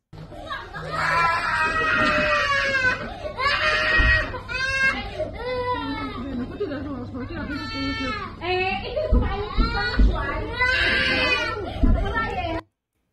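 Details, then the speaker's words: An infant cries in repeated wailing bursts, apparently frightened, while deep booms of rocket explosions sound in the background in northern Israel. "choro do bebê ali coitado deve est assustado a criança né"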